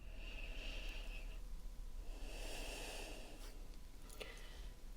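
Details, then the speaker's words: Simulated ASMR doctor check-up roleplay, stethoscope on the front of the chest with top lowered: two slow, deep breaths taken on request, each a long airy inhale then an exhale. "Okay, we just take a nice deep breath in and out. One more."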